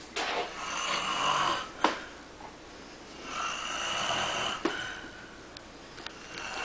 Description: daddy and baby are both sleepy and snoring!!